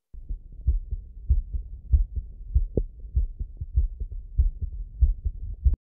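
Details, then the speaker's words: Cardiac auscultation with Eko CORE 500 digital stethoscope at the tricuspid area, fourth left intercostal space, left sternal border: regular heart sounds about 95 per minute, normal S1 and S2. "our tricuspid valve is at the fourth left intercostal space left sternal"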